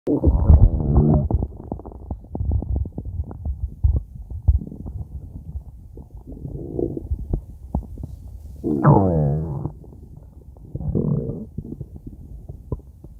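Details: Stomach growling (borborygmi): continuous low gurgling and bubbling with several longer, rising growls.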